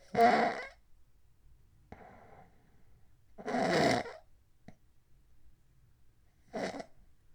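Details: Adult's extreme loud snoring recorded overnight from 11:09 p.m. to 6:20 a.m., attributed to sleep apnea: loud, harsh snoring bursts about every three seconds in a quiet room.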